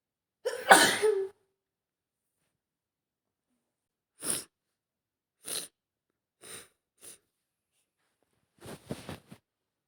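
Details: Simulated role-play of a woman sick with a cold: one loud, wet sneeze, then several shorter sneezes and sniffs in a quiet room; sneezing.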